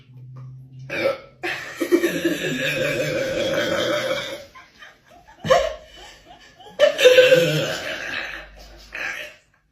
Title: Ranking the most iconic Spirit challenge burps#trendingshorts #moments#funnyshorts #trending#Shorts